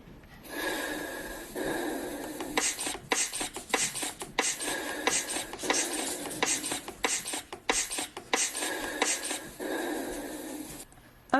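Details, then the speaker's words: Manual blood pressure measurement: the hand bulb is squeezed rapidly, about 90 a minute, with a rasping sound over a hissing background, to re-inflate the arm cuff so the listener can hear the first and last heartbeats. "I'm going to go ahead and inflate the bulb one more time release the valve one more time and allow you to listen very carefully to listen for the first heartbeat and the last heartbeat"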